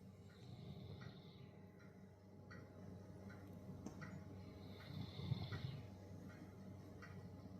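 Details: Dog (tagged Great Pyrenees and Bichon Frisé) asleep after a long mountain hike: soft, low rumbling snore with gentle repeated breathing noises under a steady background hum; snoring.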